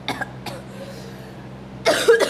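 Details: Cough from a woman who says she has been ill with a cough.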